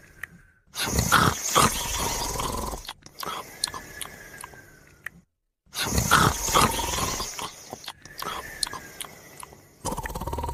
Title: his Dog Sleeping and Snoring Together